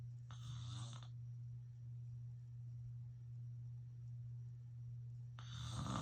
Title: Filming my dad snoring again (more loud snores !)